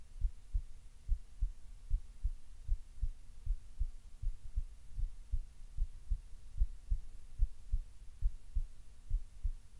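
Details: Relaxed but still slightly fast heartbeat: steady low thumping about 75 beats per minute with a faint hum behind.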